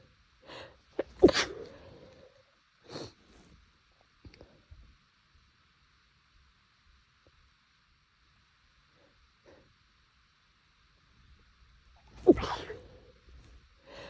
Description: nose was itchy (i think all the temperature changes is messing with it) but i was trying to stifle to not be too loud